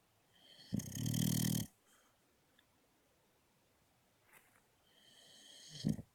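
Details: Luca, a sleeping dog, giving two loud, rattling snores about five seconds apart with quiet breathing between; she also does much louder ones; snoring.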